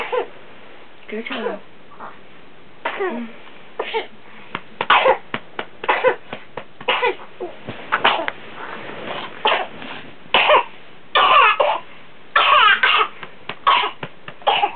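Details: Boy with suspected whooping cough, recently given antibiotics for pneumonia: paroxysmal coughing in repeated bursts with brief gasps between, recorded for his doctor.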